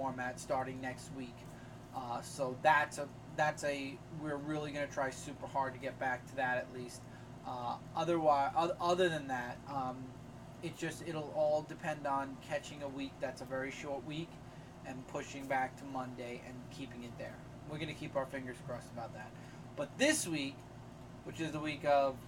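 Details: Adult man speaking; Normal speech.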